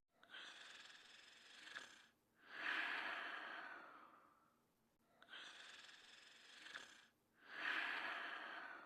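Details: Noisy breathing while asleep: two slow, loud breath cycles, about 13 a minute, each with a harsh, airy intake and a long rushing breath out; snoring.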